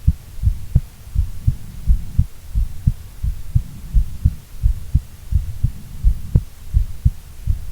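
Steady low heartbeat thumps in paired lub-dub pattern, about 86 beats a minute, regular rhythm.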